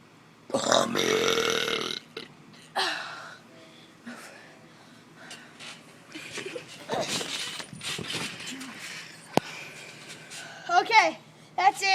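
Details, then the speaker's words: Deliberate burping, trying for the biggest burp possible: one long, forceful belch, then quieter belches and scattered noises, with brief talk and room sounds. "just stand up and burp and do the biggest ones do biggest burp you ever can do in your"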